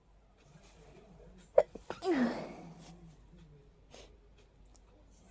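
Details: Hay fever sneezing, described as not too intense but very tickly: a single sharp sneeze with a brief intake before it, over quiet room noise.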